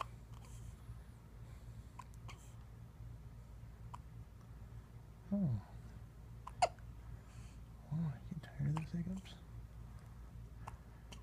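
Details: Infant aged 2½ weeks with hiccups: quiet room with low hum, a few soft vocal squeaks and brief sharp catches from the baby.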